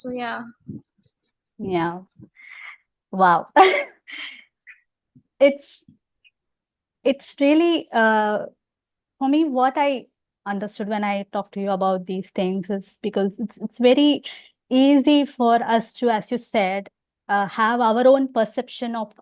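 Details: Adult woman who has stammered since age six, interviewed in a podcast; stammering.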